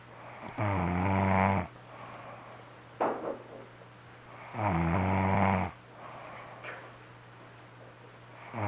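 Loud rattling snores on each breath in, with quieter breaths out between, in a steady hum of room noise.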